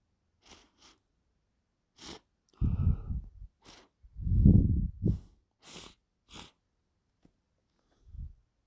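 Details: Wet, a little forceful sneezing fit after sniffing chhinkni: a series of short, sharp snorting bursts and a few louder wet blowing sounds in quick succession.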